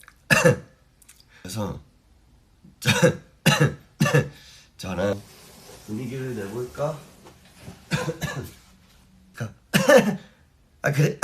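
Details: Repeated short, sharp coughs from an adult man, a K-pop singer, interspersed with brief voiced sounds and throat clearing.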